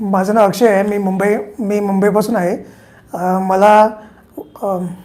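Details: Male patient before treatment with a high-pitched voice whose pitch changes frequently and that others nearby cannot hear; laryngoscopy shows sulcus vocalis with a phonatory gap; speaking Marathi.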